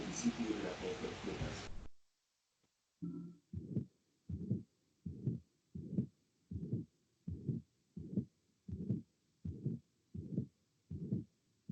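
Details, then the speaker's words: Pericardial friction rub of dry pericarditis, heard at left lower parasternal border, 2nd–3rd intercostal space: regular rough scratchy, leather-creaking sounds with each beat, about 80 a minute, after room noise; inflamed parietal and visceral pericardium rubbing. "Listo, entonces este sonido se produce por la interposición de la capa parietal y visceral del pericardio. En condiciones normales, pues este sonido no se escucha porque digamos que estas capas se encuentran lubricadas o se encuentran lisas."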